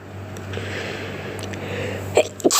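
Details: Sharp sneeze burst over steady background hum, one of a long series recorded while sick (since recovered); sneezing.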